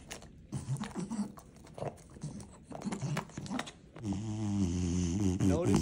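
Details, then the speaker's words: Loud, low, rattling snore-like stertor with strained effort in Onyx, a flat-faced French Bulldog with brachycephalic obstructive airway syndrome, home video before a possible second laser surgery; snoring is a red flag for BOAS. "you have a flat faced dog like Onyx seen here and they are snoring this is a red flag for brachycephalic obstructive Airway syndrome"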